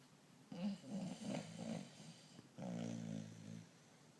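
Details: Sleeping dog with two rattling, fluttering breaths, the second a longer buzzing snore: snoring.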